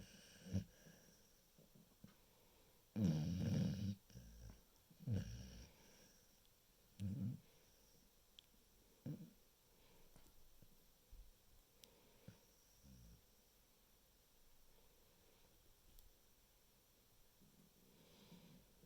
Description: She's a dog. Sleeps and snores like an old man